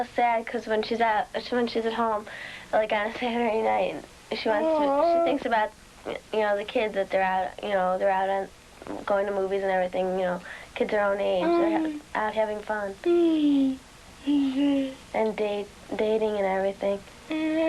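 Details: Young female speaker; normal speech.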